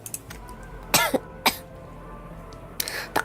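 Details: Girl who says she has caught a cold again: four short, sharp coughs in two pairs with faint room noise.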